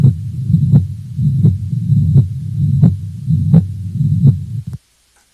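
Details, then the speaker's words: Mitral regurgitation murmur, loudest at the apex in the fifth intercostal space, midclavicular line; holosystolic (pansystolic) blowing murmur of constant intensity throughout systole, regular heartbeat near 85 a minute. "it's a holosystolic murmur sometimes called a pan systolic murmur you'll notice that the intensity of the murmur is constant throughout systole it does not go up and down like we heard in aortic stenosis"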